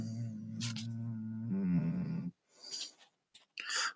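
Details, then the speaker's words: Sleeping German Shepherd–Rottweiler mix dog, owner attributes it to a deviated septum and suspects sleep apnea: low rumbling nasal droning snore followed by snuffling breaths: snoring. "That's the sounds of a deviated septum on a German Shepherd Rottweiler."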